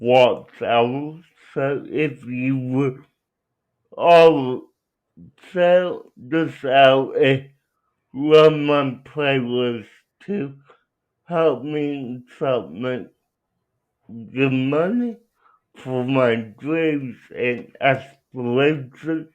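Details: Dysarthria in a young adult man with cerebral palsy who uses a wheelchair and has been out of school six years; speech largely unintelligible to transcription.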